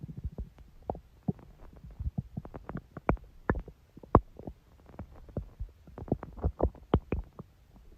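Continuous low gurgles and bubbling pops from the belly, irregular and frequent; ordinary stomach growling, a normal digestive sound.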